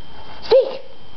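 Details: Female dog sneezing on command when asked to speak or told "sneeze": a single short, snorting sneeze against quiet room noise; sneezing.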